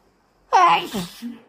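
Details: Induced sneeze on a very snotty, congested morning, with nose blowing: a single short voiced sneeze with a trailing moan-like sound.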